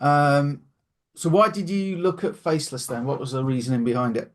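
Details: Adult man, interviewer; ordinary speech.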